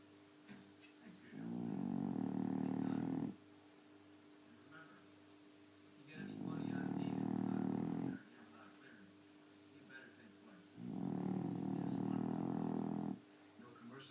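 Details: Dog (female) with long buzzing snores on each breath in, about 13 a minute, with quiet pauses between: snoring.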